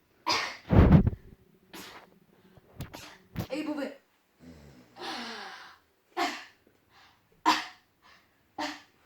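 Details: Deliberately faked cough: a series of forced, sharp cough-like bursts with some voiced grunts, imitated rather than a true cough; voluntary (fake) cough.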